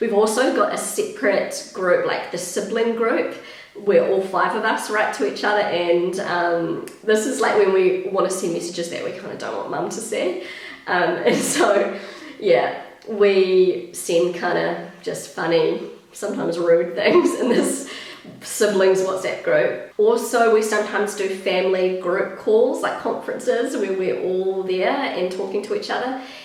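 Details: Vocal fry in a pregnant woman who attributes its worsening to pregnancy; she reports a usually croaky, crackly voice that is much worse when pregnant, and feeling a little out of breath.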